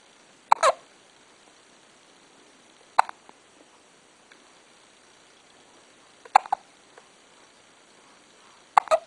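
Four sharp, brief hiccups about every two to three seconds in a quiet room: repeated hiccups.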